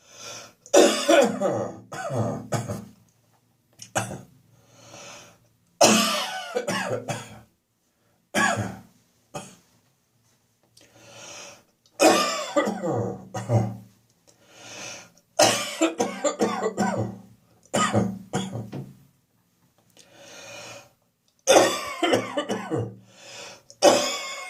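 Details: Adult's winter-morning catarrhal cough: repeated loud, wet productive coughs and harsh throat clearing in bursts.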